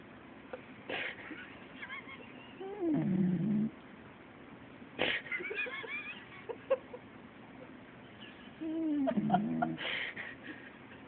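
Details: Corgi puppy Miya passed out asleep: snoring.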